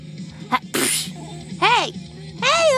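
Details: Fake sneezes, deliberately produced: several bursts, each a sharp inward catch followed by a noisy, sometimes voiced, explosive release.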